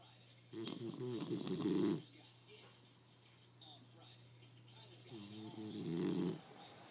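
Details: Bulldog sleeping under a desk chair: two loud, rattling, throaty snores about five seconds apart, each over a second long, over a steady low room hum; snoring.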